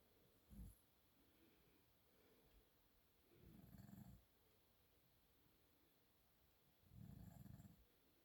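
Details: Sleeping adult man (the filmer's father) snoring: low rumbling snores on inhalation, about three over eight seconds, with quiet pauses between.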